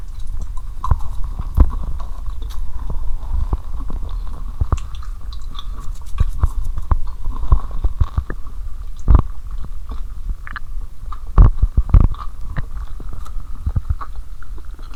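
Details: Adult woman's abdomen after drinking cola and swallowing Mentos: irregular clicks, pops and low gurgles over a steady low rumble and faint hum: active bowel sounds.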